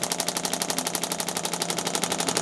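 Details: Rapid, sharp, regular clacking pulses from a radial shockwave therapy device treating an adult runner's lateral leg and tendon to aid recovery, during chiropractic treatment.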